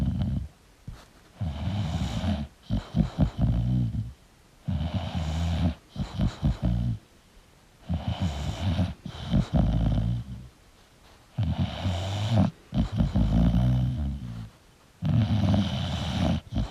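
Loud, low, rattling snores with each breath, roughly four breaths a minute; noisy sleep breathing typical of a flat-faced dog.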